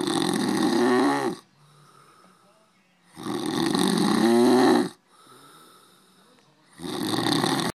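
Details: Three loud, rattling breaths separated by quiet pauses, about 17 per minute, from a sleeping man; heavy snoring.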